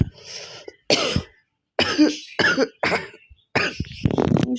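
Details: Real cough from a person with a cold and some chest congestion: about five harsh, somewhat wet coughs in quick bursts with short pauses.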